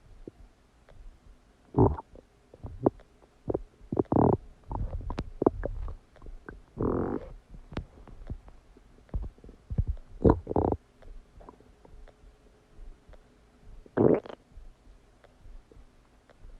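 Loud gurgling and rumbling bursts with squelchy pops, the ordinary stomach and bowel noises of digestion after a meal.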